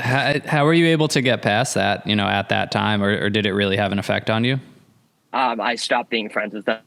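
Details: Adult male podcast host, with a second speaker briefly after a pause; fluent speech, no speech disorder.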